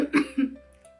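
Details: Two quick, low coughs in close succession from an adult woman who says she is a little sick and hoarse, with faint music underneath: a brief cough or throat clearing.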